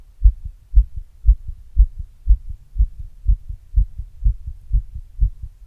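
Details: Adult's own heart sounds recorded after exercise using an earbud mic and a glass: regular, rapid double thumps at about 118 beats a minute, a normal heartbeat sped up by exercise.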